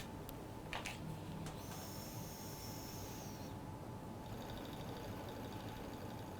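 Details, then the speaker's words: Bronchiectasis airway clearance: nebulizer compressor turned on, steady mechanical hum and hiss delivering medication mist while patient takes normal breaths. "Okay. It's on. Now I'm gonna just have you take normal breaths in and out over the course of ten minutes, okay?"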